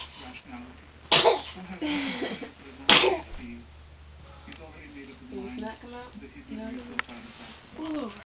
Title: Dman gets sneezed on.MOV